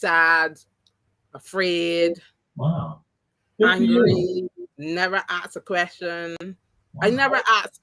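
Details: Adult woman with three strokes (2017, 2018, 2019); the first, haemorrhagic, took her speech and paralysed her right side; she relearned to talk, though some words will never return: post-stroke aphasia, partially recovered.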